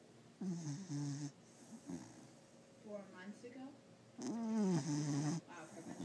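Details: Snoring from a sleeping pit bull dog: two long, rumbling, low-pitched snores with quieter breathing between them in a small room.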